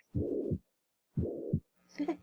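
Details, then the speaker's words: Cardiac auscultation: low, blowing regurgitant murmur filling the whole of systole between the heart sounds: holosystolic mitral regurgitation murmur. "vamos a ir un soplo también de insuficiencia mitral pero que ocupa todo el ciclo"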